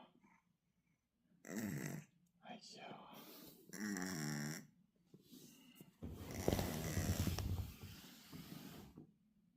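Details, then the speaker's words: Sleeping female cat snoring: several rough, buzzing breaths with a soft wheezy edge; snoring. "배워가지고 코를 그렇게 갈고 자면 나는 어떻게 하라는 거야?"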